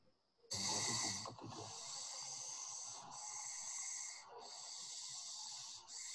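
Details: Loud, harsh, heavy hissing breaths through a tracheostomy tube partly blocked by secretions, a dangerous obstruction.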